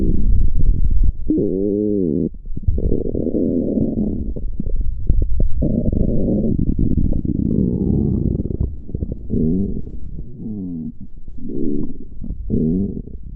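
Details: Person in a swimsuit at the beach: long, loud, low gurgling and rumbling with wavering tones, stomach growling (borborygmi).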